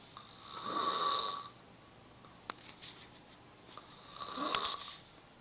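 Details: Two rhythmic, whistling, high-pitched snores about 3.5 seconds apart, roughly 16 breaths a minute, with quiet pauses between; Luis snoring.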